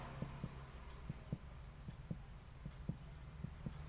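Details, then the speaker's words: Abdominal percussion on a 40-year-old man with abdominal pain and bloating, tapping downward on the right to find the liver's upper border, where resonant (sonor) sound changes to dull. "saya akan melakukan pemeriksaan perkusi untuk menentukan batas atas dan bawah hepar disini saya mulai dari atas kemudian nanti bila didapatkan perubahan suara dodiriderx perubahan suara dari Sonor penduduk itu didapatkan bahwa itu merupakan batas atas dari hepar"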